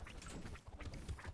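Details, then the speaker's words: Low, rumbling snorts and fluttering noises from a sleeping cat, loud snoring; owner suspects she may be congested from freshly cut grass. "Can you hear my cat snoring? She's snoring so loud."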